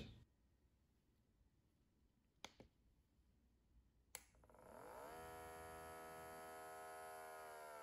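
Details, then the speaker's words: Welch Allyn Home 1700 Series automatic blood pressure monitor test after five quiet minutes: two clicks, then a steady motor hum as the cuff inflates. "the cuff inflation feels very comfortable"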